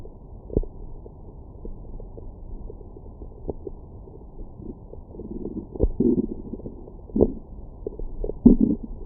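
Low gurgling rumbles and bubbling pops, louder toward the end; ordinary stomach growling after a meal.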